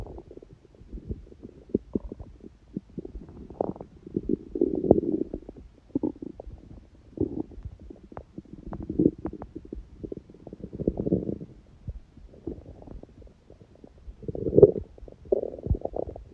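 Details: Hunger bowel sounds (borborygmi): irregular gurgling, bubbling and squeaky rumbles from the belly; recording also includes sneezing; typical hunger growling.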